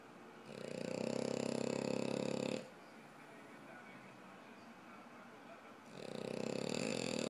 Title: Snore Face